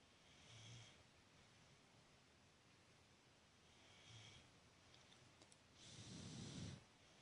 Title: Sweet Pea Snoring